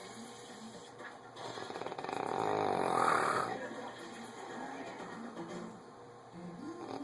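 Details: Two sleepers snoring: a rough, rumbling snore rising and fading over background television sound and faint music. Snoring.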